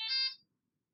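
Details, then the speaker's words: Fresenius Kabi Amika ambulatory enteral feeding pump (transnasal or percutaneous tubes): a single short, high electronic beep as the three-arrow prime button, bottom right, is pressed once, then pressed again and held to purge the tubing. Priming beep. "Purger la tubulure. Pour purger la tubulure, appuyez sur le bouton représentant 3 flèches successives situées en bas à droite. Appuyez une première fois, puis une seconde fois et maintenez pour purger."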